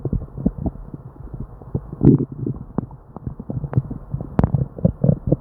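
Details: Frequent gurgles and irregular rumbling bursts from the abdomen with few pauses in a person with diarrhea; hyperactive bowel sounds (borborygmi).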